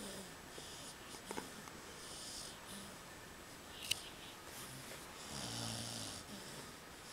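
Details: Pitbull asleep on a couch with a pillow, tongue sticking out, fidgeting: repeated loud, rough, rattling breaths with a soft hiss between them; snoring.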